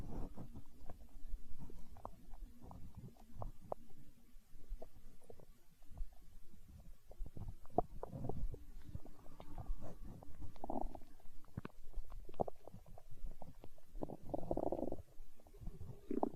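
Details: ASMR recording of a growling stomach tagged as hunger sounds: low gurgling rumbles and bubbling with small creaks from gas and fluid moving through the gut; stomach growling (borborygmi).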